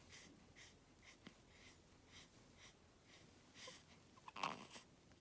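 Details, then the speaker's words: A newborn baby's first big sneeze; soft, snuffly nasal breaths, then one brief sneeze burst near the end in a quiet room. "Oh, bless you. That was a big one. That was a big one."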